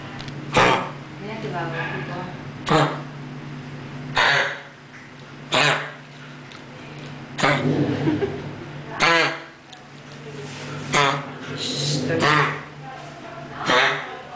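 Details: Dog with kennel cough (tos de las perreras); about nine harsh, honking cough bursts repeated every second or two.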